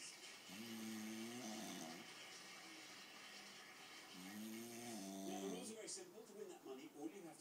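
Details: Man snoring while the television plays in the room: two tonal, buzzing snores over TV talk.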